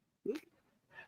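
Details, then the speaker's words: An 18-year-old female cat, asleep, snoring quite loudly. "Yeah, Moose, you can hear the cat snoring. She's snoring >> quite loud."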